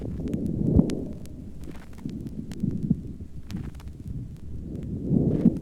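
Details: Crackles (rales).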